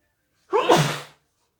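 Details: Induced sneezing fit into a tissue: single sharp sneeze with quick intake and explosive, muffled release; ordinary sneezing.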